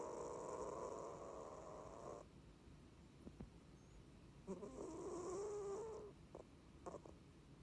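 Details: Cat that has snored since kittenhood, asleep: loud, rattling snores on each inhalation with quiet pauses between. Ordinary feline snoring.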